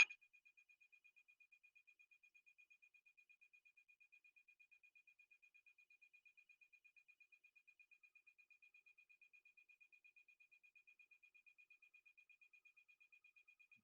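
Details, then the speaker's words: Rapid, steady high-pitched ticking pulses with an acoustic shift as diffusion encoding starts in the gradients: MRI scanner running a diffusion-weighted sequence on a volunteer; normal MRI scanner noise. "when we start to encode diffusion you will hear that in the gradients and it should just be coming up just a second if you can notice the shift in the acoustics"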